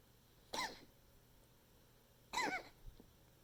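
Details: Pet's coughing fit, recorded to document it for the vet: two short, harsh, dry cough bursts separated by a pause of about two seconds.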